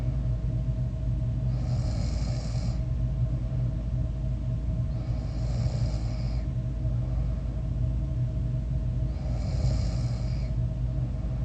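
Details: Own snoring during sleep (one of a series of sleep recordings; teeth grinding noted later in the night): three rasping snores about four seconds apart, roughly 15 breaths a minute, under a loud steady low room rumble; snoring.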